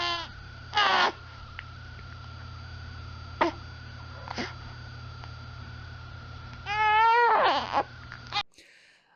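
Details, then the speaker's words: Young infant crying in brief, strained short bursts while pushing hard to pass stool that won't come out: crying from straining to pass stool. "फिर next reason वई babies cry pressure potty pressure in fact और इसे sense करने का बहुत ही easy सा तरीका है आपको दिख जाएगा कि वो एकदम प्रेशर में प्रेशर लगा रहे हैं जोर लगा रहे हैं पॉटी निकल नहीं रही है"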